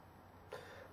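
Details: Adult with ongoing voice problems and uncontrollable coughing at day 36: a single short, dull cough or throat-clearing burst in a quiet room.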